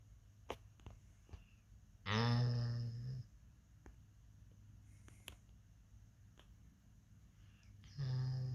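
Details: Pit bull puppy asleep in the morning: two loud, rattling, low-pitched snores about six seconds apart, with quiet room noise and faint clicks between them; ordinary puppy snoring.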